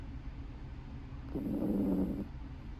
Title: Mimi snoring funny #cute #puppy #dog